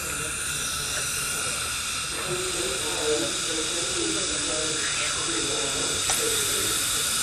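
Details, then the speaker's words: High-speed dental drill gives a continuous high-pitched hiss and whine with faint shifts as the bur cuts residual gold post within the tooth, guided by feel of gold resistance, during post-and-core removal from a bridge abutment; the post seems to start loosening. "and as before my goal is to feel the resistance of the gold at the tip of the Burr and to maintain the proper position both media distally and facial powers"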